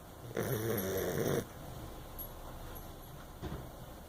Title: Dog snoring